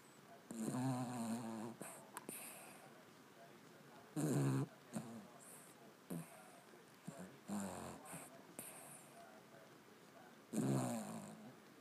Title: My Dog Snoring